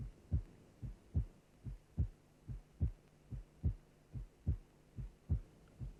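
Simulated heart sounds alternate in regular pairs at about 72 cycles a minute. The first sound is lower pitched and slightly longer and falls at the onset of the pulse. The second is shorter and higher. This is the normal pattern of first and second heart sounds.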